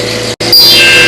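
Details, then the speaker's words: Steady high-pitched motor whine with a brief cutout, then louder, from an arthroscopic shaver smoothing damaged cartilage, worn to near bare bone, after a medial meniscus tear in right knee arthroscopy; arthroscopic shaver running. "got the shaver now smoothing out that rough surface again"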